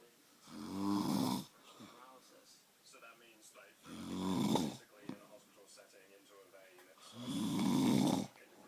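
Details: Rough, rattling snores on the in-breath, about 18 breaths a minute, with quieter breathing between them; ordinary snoring.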